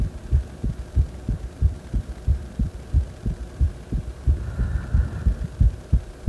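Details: Heart sounds recorded lying supine after deep squats: strong, regular low heartbeats at about 91 a minute with a faint background hum; mildly quickened rate after exercise.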